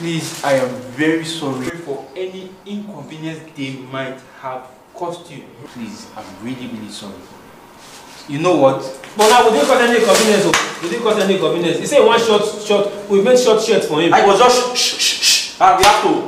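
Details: Adult speakers in an acted comedy sketch; ordinary speech.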